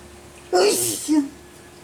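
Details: Single voiced sneeze, recorded in Nicaragua (Horsetail and Sneeze): a quick intake breaking into a loud burst with a brief voiced tail, over a steady low hum.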